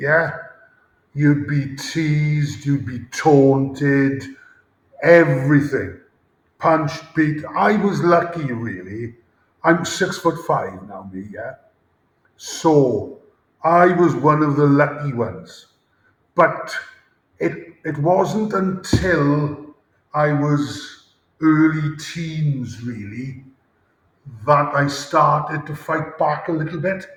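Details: Adult male former rugby player with a lifelong stammer since about age 5-6, with blocks and speaking difficulty under pressure; stuttering (stammering).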